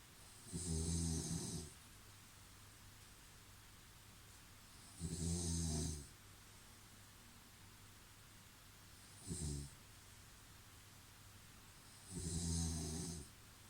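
Loud, low rattling snores on each breath in, four in about 14 seconds, with quiet pauses between; ordinary snoring.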